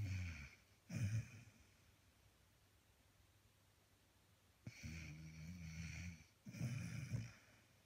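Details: Snoring: three low rumbling, snorting breaths separated by quiet pauses in a quiet room; snoring.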